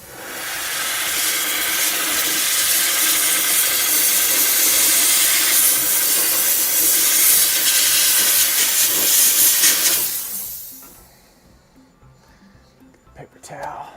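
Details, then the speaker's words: Dental lab steam cleaner on a finished wraparound retainer with labial acrylic: loud, continuous hiss of pressurized steam for about ten seconds, then stopping. "Let me steam this real quick. Watch your ears."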